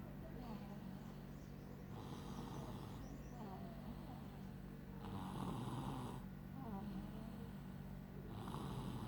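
Rhythmic low rattling snores repeating through the clip, with steady background noise.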